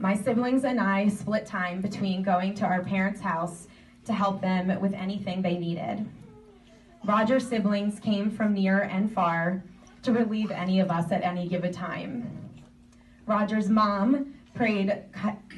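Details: Adult woman speaking; normal speech.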